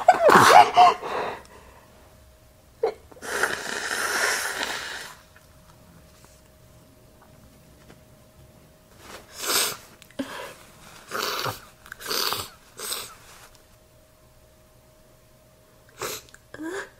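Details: Female: a run of messy, wet, snotty explosive sneezes into a tissue with sniffing between them, in a quiet room; repeated sneezing.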